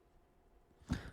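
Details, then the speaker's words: A dog snoring in the background while a man talks about football. "you hear that my dog was snoring"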